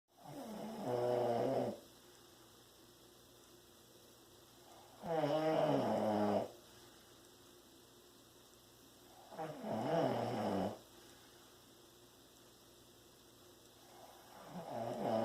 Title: Snores Like a Wildebeest